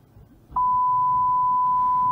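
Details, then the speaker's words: Steady pure tone delivered through headphones in a simulated pure-tone audiometry (PTA) demonstration, stepping down from 80 dB to 60 dB. "그리고 80dB 소리를 헤드폰으로 들려줍니다. 소리를 들었답니다. 들었으니까 소리를 줄여서 60dB 소리를 들려줍니다."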